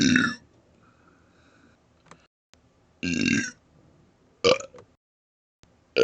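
Several loud, drawn-out voiced belches, shaped like vowel sounds and made on purpose, with quiet gaps between.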